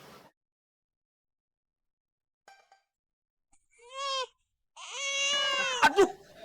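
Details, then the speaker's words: Acted comedy-drama birth scene: two short, high-pitched wailing cry bursts of a newborn: newborn cry, simulated. "Benar plong rasanya ya kalau suara tangisan bayi ya dengar ya mak nyus pokok alhamdulill"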